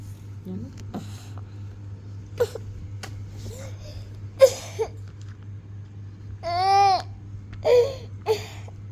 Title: who make baby cry